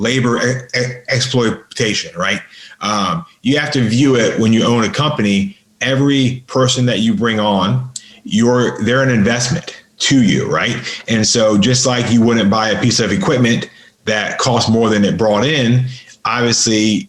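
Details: Adult man with a lifelong stutter, severe by his own account, improved through practice and an intensive stuttering school; real stuttering in a podcast interview.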